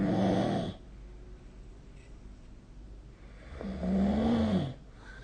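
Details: Two rumbling snores with a rising, slightly tonal pitch, each under a second, separated by quiet breathing; ordinary snoring during sleep, recorded with a snore-tracking app.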